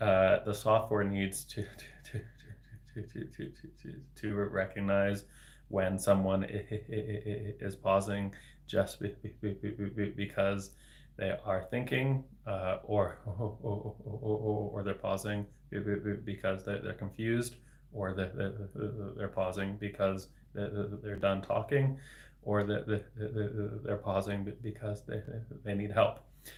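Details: Adult man, a speech-language pathologist, with developmental stuttering including word repetitions, speaking live in a solo livestream; stuttering.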